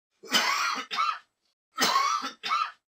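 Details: Acted adult male cough sound effect: two paired coughs, each a strong harsh burst followed by a shorter one, four bursts in all, in a quiet room.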